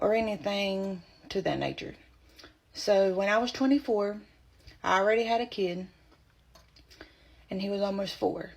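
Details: Woman with spasmodic dysphonia, diagnosed at age 24 while three to four months pregnant; her voice progressively went away as the pregnancy advanced; spasmodic dysphonia.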